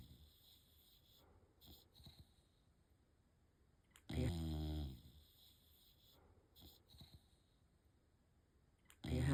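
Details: Quiet breathing with one loud, rattling snore lasting nearly a second, then another starting, from a sleeping rescue Bulldog; snoring.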